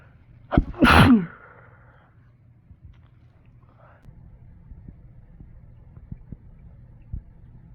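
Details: A single sharp sneeze with a brief catch beforehand, then quiet background noise; a sneeze while sick with a cold, with the person saying they induce many sneezes while sick.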